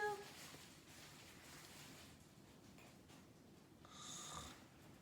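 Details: Snoring: soft, low rasping breath noise in a quiet room, rising once toward the end.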